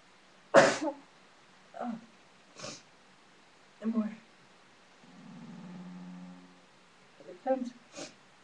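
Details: Sneezing fit after using sneezing powder, sneezing hard enough to hurt the back: several short, quiet, clipped sneezes in a row with a brief hum between them.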